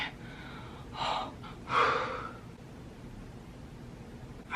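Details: Two sharp, breathy gasping inhalations in a quiet room, the second louder and longer, from a woman piercing her own nose between bouts of sneezing; gasping.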